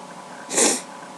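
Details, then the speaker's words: Single explosive, hissing sneeze near the end of a random sneezing fit recorded on a webcam, no allergies, nose feeling full; steady room hiss behind. "No, I think I'm done. My nose is so full. Oh, maybe not. Maybe I'm gonna sneeze. Okay, now I think I'm done."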